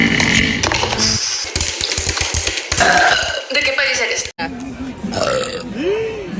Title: Burp Compilation